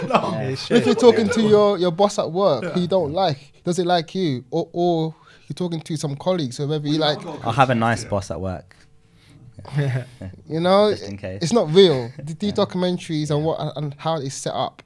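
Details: Person who stutters, speaking in a group discussion and describing stuttering as a disability that cannot be turned off; stuttering.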